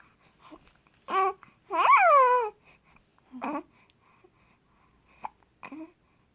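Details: Baby with hiccups in the morning: babbling and cooing in a quiet room, with short, abrupt voiced hiccup catches between the sounds.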